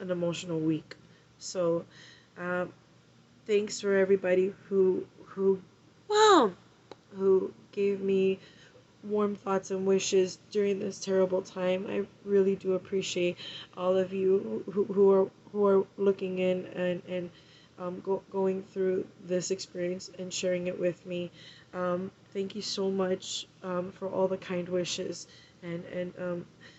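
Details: Adult woman aged 39 with Tourette syndrome, with a vocal tic interjection mid-speech: vocal tic (Tourette syndrome).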